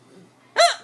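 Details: Repeated adult hiccups from a mother while her child tries to scare them away by shouting "boo".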